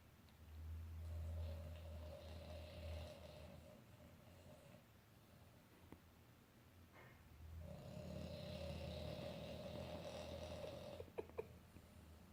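Two long, low, rumbling snores with a whistling edge, separated by a quiet pause; snoring in a flat-faced dog.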